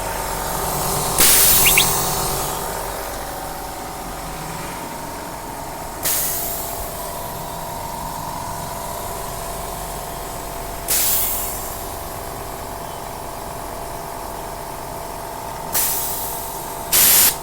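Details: DIY oxygen concentrator with lithium zeolite, output purity up to 90% at 5 LPM: steady compressor hum with loud valve exhaust hiss about every five seconds, around 2.5 bar pressure.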